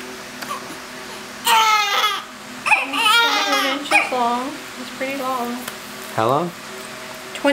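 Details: Newborn boy on his day of birth, 9 lbs and 21 inches, crying as soon as he came out: several short cries and squeals over room hum with clear voice and good breaths between them; normal healthy newborn cry.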